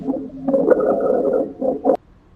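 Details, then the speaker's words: Lung auscultation teaching example of rhonchi: low-pitched, deep, rumbling continuous snoring-like breath sounds that may clear with coughing. "roncai think of a rhino and they make some low pitched deep sounds this one's continuous too but may clear with coughing"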